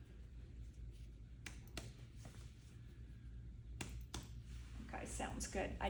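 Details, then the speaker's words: Nursing respiratory assessment: percussion between the shoulder blades, moving laterally across the back, gives short hollow tapping strokes with a normal resonant note and no dullness. "now we're going to look for dullness or hyper resonance okay too so again between the shoulder blades because this is where we're going to be able to hear this sound"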